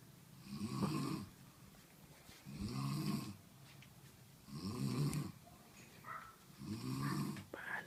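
Soft, low rumbling snores repeating steadily about 30 times a minute over a quiet room hiss; ordinary snoring.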